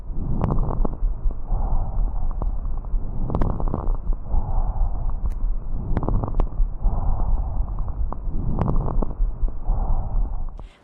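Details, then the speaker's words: Chest physical examination demonstration: breath sounds with brief, fine crackling clicks each breath, like rubbing hair between fingers or opening velcro, heard in pneumonia, pulmonary congestion and interstitial disease; fine crackles. "o som de uma crepitação pode ser produzido esfregando-se uma mecha de cabelo contra os dedos próximo ao ouvido ou pela delicada abertura de um velcro denominados território em velcro Pode ser audível na pneumonia congestão pulmonar e doenças intersticiais e"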